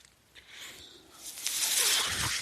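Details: Speaker's own mechanical ventilator airflow: a soft hiss that swells into a louder rushing airflow as the machine delivers a breath.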